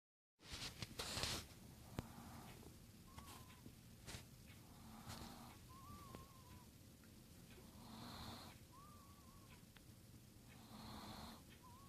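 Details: Chihuahua asleep: soft, rhythmic snoring breaths about every 3 seconds, some with a thin whistling squeak, in a quiet room.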